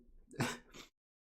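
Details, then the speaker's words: Repeated sneezing by an adult during a live crypto-trading stream, with an onlooker teasing that the sneezing won't stop; sneeze. "jordan stop sneezing stop sneezing bro it's absolutely ridiculous how are you gonna sneeze right now right this is important"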